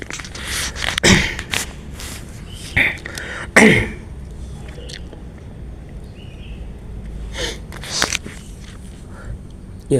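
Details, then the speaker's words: Acted scene of an adult man with a cough and cold, itchy throat and nasal-sounding voice: a few loud sniffs and throat-clearing bursts bringing up phlegm, with room noise in the background. "Ini lagi sakit. Suaranya juga bindeng-bindeng kan ya."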